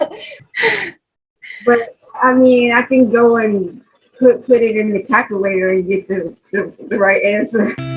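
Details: 43-year-old woman with aphasia after a 2020 stroke, unable to talk for 10 days in hospital and treated by several speech therapists, real post-stroke aphasia.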